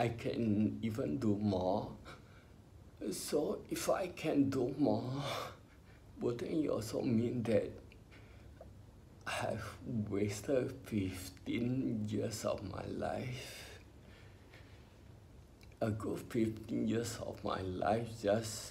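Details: Ataxic dysarthria in an adult male with spinocerebellar ataxia, diagnosed by a neurologist about 20 years earlier when he was in his twenties.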